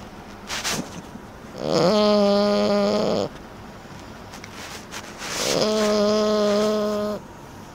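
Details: 30-week-old French Bulldog napping: two long, steady, buzzing breath sounds with a clear hum, a few seconds apart; snoring.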